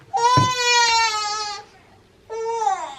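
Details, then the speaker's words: Newborn baby girl, fussy with hiccups: crying in short wailing bursts with pauses between, in a quiet room. "She has the hiccup, so she's a little fussy right now, but yeah."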